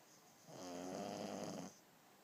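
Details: Pug snoring while taking a nap.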